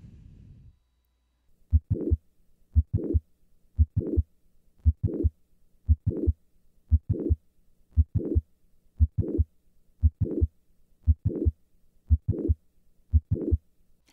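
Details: Mitral valve prolapse heard at the apex: regular heartbeat near 58 a minute with a sharp mid-systolic click followed by a short late systolic murmur.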